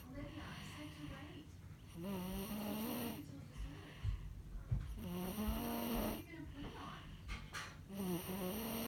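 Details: Person snoring: rhythmic snores with a buzzing, whistly pitch on each breath and snorty sounds between them.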